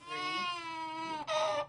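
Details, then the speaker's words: A single sustained infant wail, then a brief catch and a second louder, higher cry; infant cry. "THE SOUND OF A BABY CRYING -- SOMETHING ANGELA CRAWFORD WAITED THREE YEARS TO HEAR."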